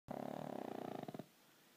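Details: Sleeping pug snoring loudly every night: one harsh, fluttering, rapidly vibrating snore lasting about a second.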